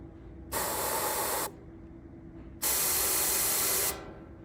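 Two loud hissing spray bursts, each about one second long: a dental handpiece being purged during routine maintenance.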